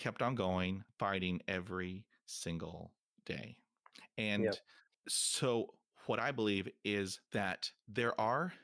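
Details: 28-year-old man who has stuttered his whole life, since about age three, real speech; stuttering.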